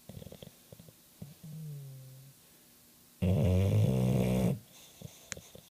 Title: Diez snoring